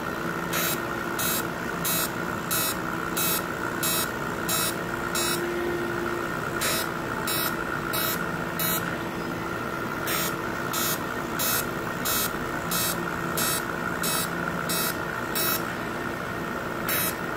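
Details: Fractional CO2 laser treating stretch marks: regular short beeps about one a second with occasional pauses over a steady machine hum during treatment.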